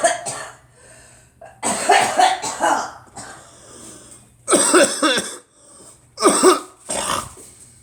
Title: Me coughing and girl 😀